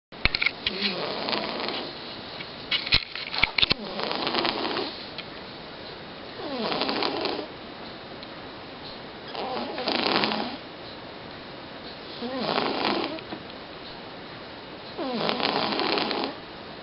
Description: My cute and adorable cat Zombie is snoring loud while he sleeps peacefully.